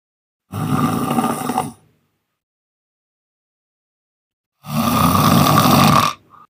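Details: Unusual snoring: two long, loud, rough rattling snores separated by a silent pause, harsh and roaring.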